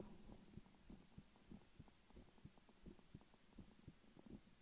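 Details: ASMR stethoscope recording, possibly of the speaker's own heartbeat: soft regular thumps at about 75 a minute over low hum and rustle; a steady normal heartbeat.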